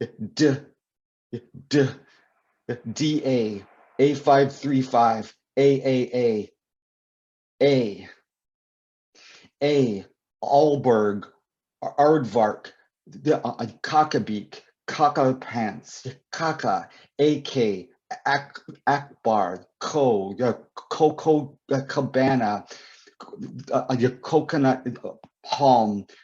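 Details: Adult male poet and author who describes himself as a person who stutters, speaking with repeated words and fillers; stuttering.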